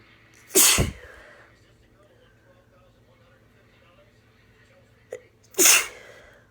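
Two loud, explosive uncovered sneezes about five seconds apart, from a sneezing fit with a cold.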